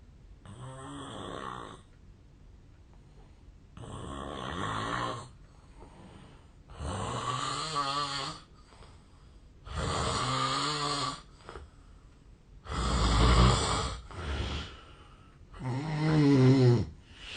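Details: Real home snoring recording of a Japanese sleeper, made 8 years earlier when thinner; sleeper suspects a long-standing sleep disorder. Loud, rattling inspiratory snores, about 20 a minute, with quiet pauses: heavy snoring.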